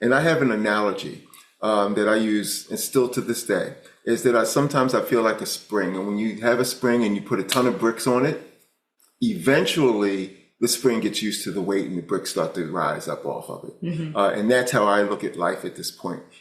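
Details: Adult male speaker; normal speech.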